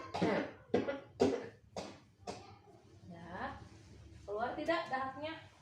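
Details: Elderly woman in a nursing effective-cough training session, coughing after a breathing exercise (inhale 4 seconds, hold 2, release): four or five loose, wet, productive coughs in quick succession, then brief voiced effort sounds.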